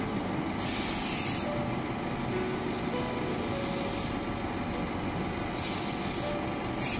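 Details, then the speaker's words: Ear suction for hard earwax removal by an ENT surgeon in a child whose blocked ear caused reduced hearing; steady loud hiss and rush of the suction machine, with brief pitch changes as hard earwax is drawn out. "এই দেখেন এটা টেনে নিয়ে আসে বাতাসে আপনি যখন cotton দিবেন কি হবে"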